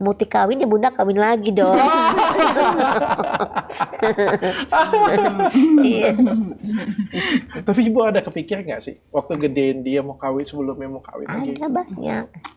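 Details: Adults in conversation; typical speech.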